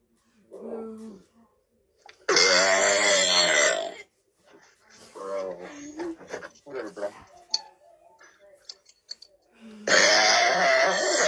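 Two long, loud, rumbling voiced belches separated by brief childish vocal sounds.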